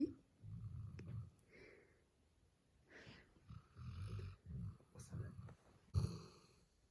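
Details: 8-month-old male black Labrador Retriever puppy snoring while asleep: short, low, grumbling snores in bursts with snorting breaths, man's voice in background; loud puppy snoring.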